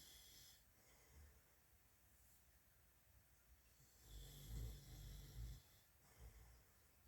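Low, rumbling snore on breathing in, with softer breathing between; faint small-animal rustling in the background.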